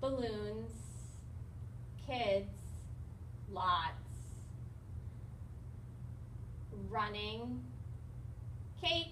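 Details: Acted demonstration of Broca's aphasia, a nonfluent, effortful, agrammatic aphasia from damage to Broca's area in the left inferior lateral frontal lobe; speech is generally meaningful, with many pauses, mostly nouns and verbs, slow rate and short utterances.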